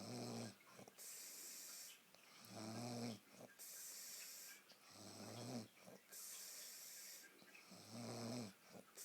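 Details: Snoring in a girl: steady low rumbling in-breaths alternating with hissing out-breaths, roughly 20 breaths a minute.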